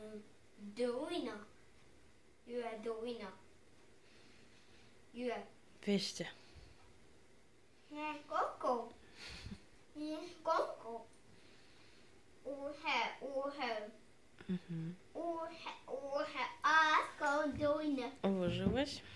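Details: Autistic child repeating the same phrases while arranging dominoes, replaying exact scenes, parent redirecting toward dialogue; once struggled to produce single sounds, now speaks quickly; delayed echolalia.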